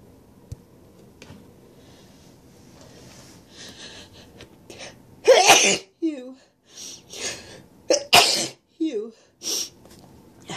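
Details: Person congested today, with stuffy sneezes and sniffles: two loud explosive sneezes, each after a building inhale, followed by sniffles and brief exclamations in a quiet room.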